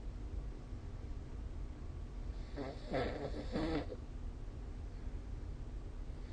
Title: 🐽 Snoring Sleep Sound / いびきの音